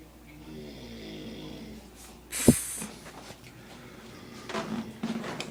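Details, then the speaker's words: Man snoring very loudly at 1:33 am behind a closed door, heard from down the hall: distant, muffled low snoring with a loud bang and room noise nearby. "I ain't even made it to the bathroom yet, and I already hear him snoring. I ain't making this up."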